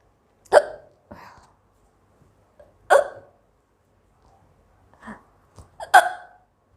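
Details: Four sharp, abrupt voiced catches at irregular intervals, each with a brief gulping tail, from a woman in a hiccups challenge; hiccups.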